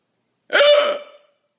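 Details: Hiccups that have persisted for 5 hours: a single abrupt, voiced 'hic' with a sharp onset that fades quickly.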